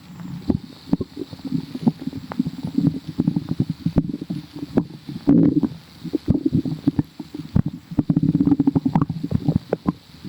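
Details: Continuous low bubbly gurgling and popping from the belly, with some rubbing noise; ordinary stomach growling (borborygmi).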